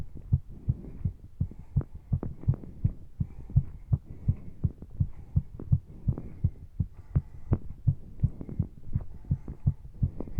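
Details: Heart pounding during exercise, recorded with breathing sounds deliberately left in: strong, regular, rapid heartbeat about 165 beats a minute with breathing behind; normal exercise heartbeat.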